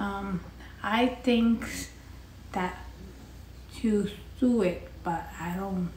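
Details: Adult woman after a basal ganglia intracerebral hemorrhagic stroke (Thanksgiving 2019), answering a conversational question with halting, restricted speech: non-fluent aphasia with apraxia of speech.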